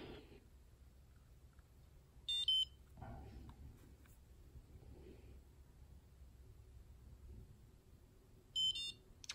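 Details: Two short high electronic beep pairs over quiet room noise from a Precision Xtra blood glucose meter after a fingerprick blood drop. The reading is used to calibrate a Dexcom G6 CGM; the man had not eaten for a while, reading 105.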